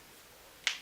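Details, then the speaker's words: One sharp, brief pop in a quiet room: finger knuckle cracking in a woman 36 weeks pregnant, who reports loosened joints and hip and pelvic pain from hormone overproduction. "I am like cracking like I don't know I just cracked my fingers"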